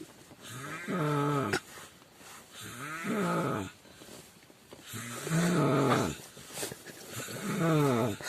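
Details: A stranger snoring in a car: loud, rattling, throaty, vibrating snores, about 28 a minute, with quieter breaths between them.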